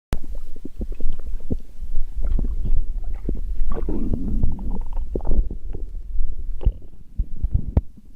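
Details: Low, irregular gurgling and rumbling with short pops and a longer bubbling growl midway: ordinary stomach growling (borborygmi).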